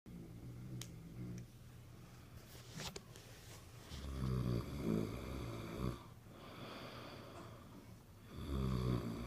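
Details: Low, rough, rattling snores with each breath in, against a quiet room background; ordinary snoring.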